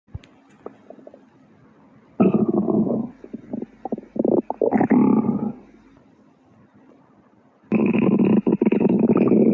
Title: Angry Juice Stomach Growling for the 2nd time!